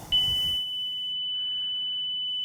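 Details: Zoll AED Pro training on a manikin simulating ventricular fibrillation, a shockable rhythm: a steady, high-pitched continuous alert tone during charging and shock delivery, with brief room noise at the start.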